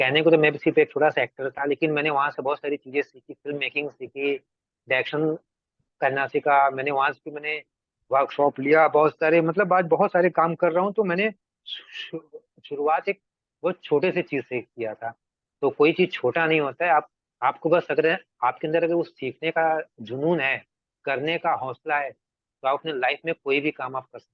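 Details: Adult man, an actor and director, who has stammered since early life; Hindi and English speech; stuttering.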